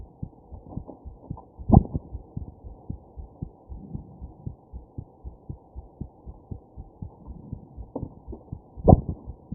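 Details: Fetal heartbeat recording: fast, steady whooshing heartbeat with two louder, sharp jolts breaking the rhythm, consistent with fetal hiccups.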